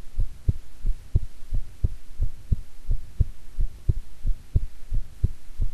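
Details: Own heartbeat recorded at length, with stomach growling midway while digesting a grilled atka mackerel set meal: steady low thumps at about 88 a minute with faint background hum; normal heartbeat.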